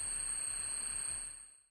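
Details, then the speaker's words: Simulated screeching tinnitus: a piercing high-pitched tone over harsh hissing noise, then fading out, one of seven common tinnitus types listed by the American Tinnitus Association. "L'American Tinnitus Association déclare qu'il existe sept types courants d'acouphènes, allant du bourdonnement, du rugissement, du tonal, de la bouilloire, de l'électricité, de l'électricité statique et du crissement."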